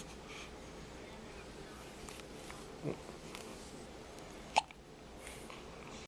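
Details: Hiccups in a baby girl, her first case: two brief, abrupt catches about two seconds apart in a quiet room, coming like clockwork.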